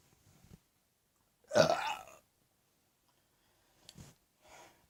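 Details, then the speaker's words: Man on his lunch break gives a single loud, rough, deliberate burp with faint sounds before and after in a quiet room; burping. "Just a quick video before I go back to work, because I'm on my lunch. So I can do a massive burp."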